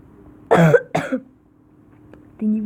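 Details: Two short, sharp coughs in quick succession, then a brief voiced sound; a real cough from a gamer recording commentary while playing an online game, who apologizes for coughing.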